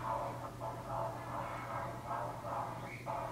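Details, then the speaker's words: Fetal heartbeat recorded on a Doppler monitor right before labor, in a 16-year-old's pregnancy: rapid, rhythmic whooshing pulses, roughly 140 a minute. "And then this is one of her heartbeats."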